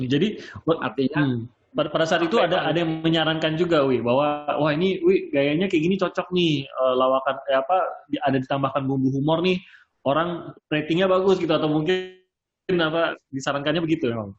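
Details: Adult male speaker; Plain speech.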